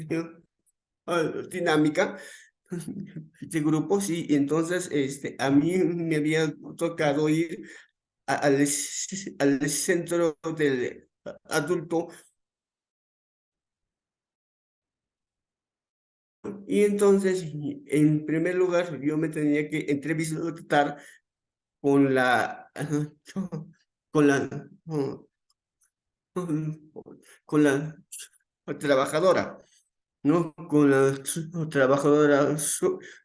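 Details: Real adult male with stuttering that began around age 7 and became more noticeable around age 11, described by him as uncontrolled that day; repetitions in speech; finding: stuttering.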